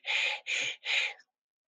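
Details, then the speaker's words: Pleuritic blowing breath sound imitated by mouth, shaped as for the letter "e", heard equally on inspiration and expiration in place of vesicular murmur; three breathy hissing air bursts. "Entonces, en lugar de escuchar el murmullo vesicular, que es 31, voy a escuchar un, no, un sonido como la letra e en entrada y salida."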